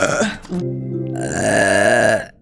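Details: VTuber's long, loud, drawn-out voiced belch lasting about two seconds during a live stream, with background music: an ordinary burp.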